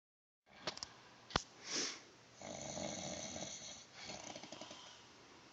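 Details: Homeless shelter resident snoring in sleep (he denies snoring): harsh, rattling breath noises with a loud snore on inhaling.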